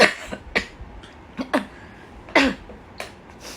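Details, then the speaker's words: Adult woman with confirmed COVID-19 isolating at home, hoarse voice, sore throat, fever to 39.1°C, cough with phlegm: several short, sharp cough bursts in quick succession in a quiet room. "然后还有咳嗽，还有痰。"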